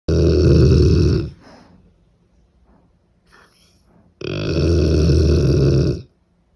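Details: Cane Corso dog snoring loudly: two long, deep, rumbling breaths separated by a quiet pause; snoring.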